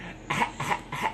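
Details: Young child gives three quick, playful pretend coughs in a row, laughing while copying his father's cough at bedtime; imitated cough.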